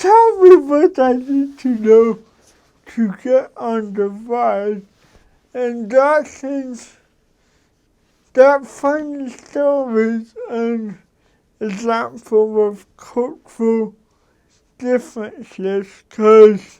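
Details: Dysarthria in an adult man who has lived with cerebral palsy for 53 years; he adjusts his speech so others can understand him.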